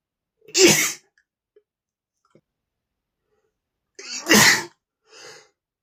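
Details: Male sneezing, attributed to dust in the room and flower pollen.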